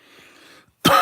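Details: A cough from a person who feels lethargic and still has a cough; a persistent post-COVID cough.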